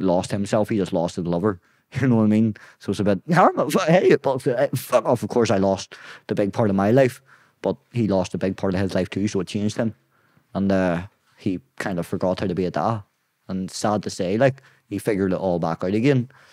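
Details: Young adult man with Tourette syndrome; tics began at 16 as a shoulder tic, spread across the body, then vocal tics followed; involuntary blurted words and swearing interrupt speech, worse under stress and cameras; vocal tics (Tourette syndrome).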